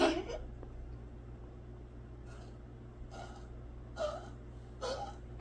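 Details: Dog gives a series of short, harsh, gasping cough-like bursts; owner fears it is hurting and plans to tell the vet; abnormal cough.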